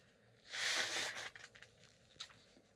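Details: Female sneezing: a single sharp, hissing sneeze burst followed by softer sniffing and nose-blowing sounds in a quiet room.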